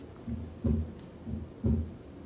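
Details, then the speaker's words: Simulated heart (Harvey simulator) at about 60 beats a minute with a whooshing systolic murmur of aortic stenosis, heard over the aortic valve where loudest, quieter over pulmonic valve. "Wow, that's some whoosh, huh? Now you'll hear it, we're listening over the aortic valve, so obviously it's the loudest."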